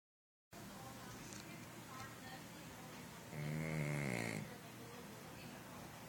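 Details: Pug snoring with eyes open: over a noisy background, one loud, rough, buzzing snore; small flat-faced dog snoring.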